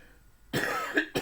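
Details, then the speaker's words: Adult man teaching a class while ill with a flu-like illness, sipping mate to ease a frequent cough: a single harsh cough, then a brief second burst. "igual van a escuchar muchas toces seguramente en lo que va de la clase en lo que vaya de la clase una hora por"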